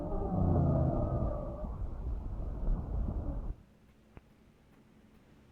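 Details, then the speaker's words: Tracheal wheezes: whistling, continuous sibilant sounds caused by airway turbulence. "ahora algo que sí me interesa también es el tema de los sibilantes no los sonidos que ustedes van a tener que es como un silvido no y es por eso es que se dice sibilante se meja ese silvido"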